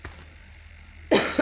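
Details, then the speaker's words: Speaker in an online staff meeting coughs and apologises, saying the cough is currently bad: two short, harsh coughs after a quiet pause, with faint room noise. "Aduh sorry banget. Ini lagi parah nih batuknya."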